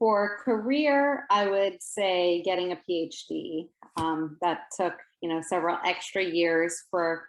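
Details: Adult woman speaking; Typical adult speech.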